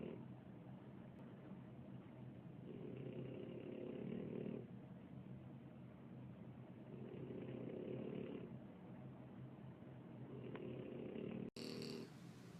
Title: Snores